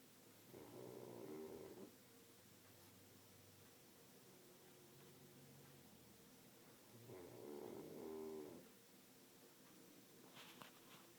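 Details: Pug snoring: two long, rough, rattling breaths about six seconds apart over quiet room noise.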